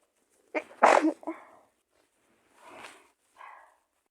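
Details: One forceful sneeze from a female, with a short breath-in before it and soft breathy exhales after; a single sneeze.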